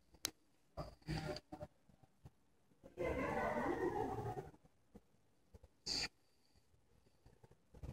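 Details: An English Bulldog, thought to be a bulldog mix, sleeping: one long, rough, rattling snore amid short snorts and sniffs.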